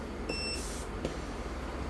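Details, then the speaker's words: Short high electronic beep over steady low machine hum as the pulse-mode setting (adjustable 1 to 5) is changed on the Oxy Care Mini portable pulse-mode oxygen concentrator. "And changing the settings is very simple."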